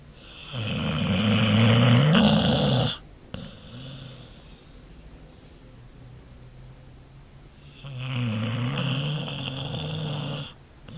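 Two long, loud, vibrating snores with a quiet breath between, spaced about seven seconds apart; snoring in a sleeping monkey.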